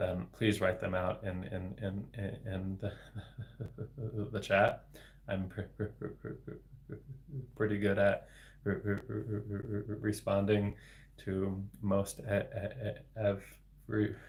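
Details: Adult man, a speech-language pathologist, with developmental stuttering, speaking live; word repetition audible; stuttering.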